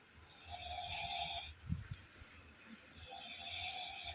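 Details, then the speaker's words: Sleeping adult man snoring at home: two rough, rumbling snores on inspiration, about a second each, with a steady room hum behind. "তোমাদের দাদাভাই নাক ডাকছে শুনতে"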